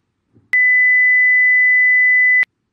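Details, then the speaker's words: Example of the stimulus heard in a typical pure-tone audiometry hearing test: a faint click, then a single steady high-pitched beep lasting about two seconds. "for example here i give you some examples of the sound you might hear when you do a test"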